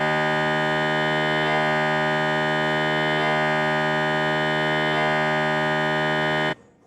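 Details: Loud, steady, harsh droning buzz that stops abruptly: acoustic noise of a conventional MRI scan sequence, played for comparison with a quieter scanning mode.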